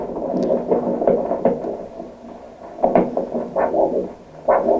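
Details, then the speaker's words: Arterial Doppler signal at the ankle during ankle blood-pressure measurement with a cuff, screening for lower-limb peripheral arterial disease: rhythmic whooshing pulses showing blood flow. "on a un signal Doppler qui indique le passage du sang."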